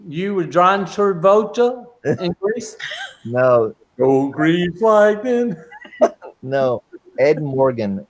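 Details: Adult man with aphasia since a stroke during heart valve surgery in 2007; shortly after the stroke he could say only one or two words; non-fluent aphasia.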